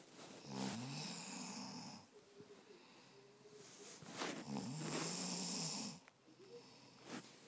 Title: Ramses snoring and bebe being lazy